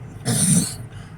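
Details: A single harsh, throaty cough, close to a throat clear, from an adult during a daily vlog; the person suspects allergies caused a tickle in the throat.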